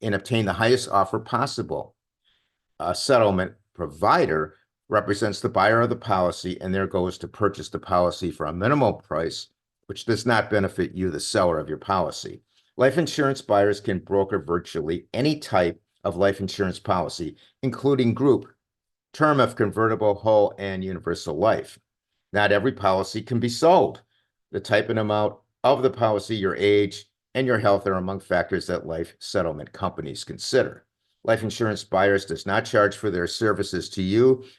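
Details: Adult male speaker; normal speech.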